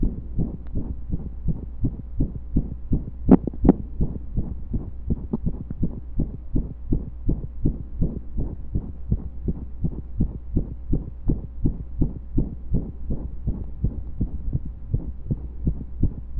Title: Pressure and Breath Holds with a Few Skips